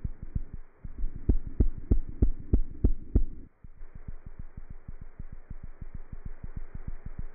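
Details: Cat heart sounds through a stethoscope: a fast, regular heartbeat near 190 a minute with crisp thumps and a low hum, within the usual fast range for a cat.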